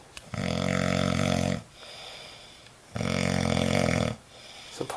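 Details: Loud, buzzing snores on the in-breath, each about 1.3 seconds, with softer out-breaths between; ordinary snoring from a roommate.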